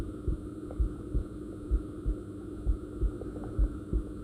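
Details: Self-recorded ASMR of own stomach and heart sounds: soft, regular low thumps at about 65 beats a minute under a steady hum, an ordinary heartbeat.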